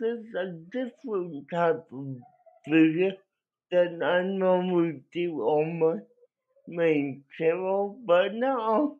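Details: Dysarthria in an adult male with cerebral palsy, which he believes was caused by a drug overdose; the condition affected his voice, and he cannot walk and has muscle spasms.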